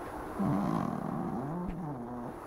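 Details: A dog named Leone snores deeply while sleeping on a cushion: a low, steady rumbling snore through one long breath, with faint television and air-conditioner hum behind it; ordinary snoring.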